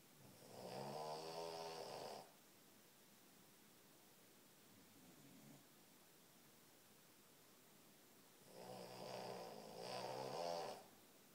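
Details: Boston Terrier snoring while napping beside her sister: two long, buzzing snores about eight seconds apart with quiet breathing between; snoring.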